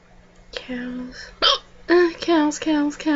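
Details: Person with ongoing loud hiccups, trying to stop them by thinking about cows: several abrupt voiced hiccups in quick succession with faint background hum.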